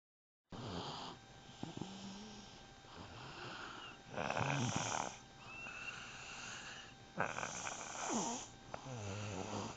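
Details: Snoring during sleep: repeated rough, rattling breath sounds with snorting noises between the louder breaths.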